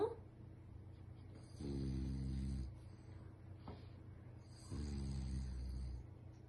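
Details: Bulldog snoring.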